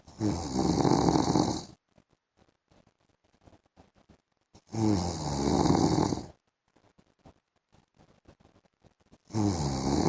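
Loud, rough snores with each in-breath, about one every four to five seconds, quiet pauses between.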